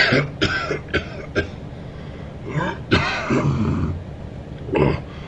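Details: Man coughing during sleep: short coughs and throat-clearing with noisy breaths between them, over a low background hum.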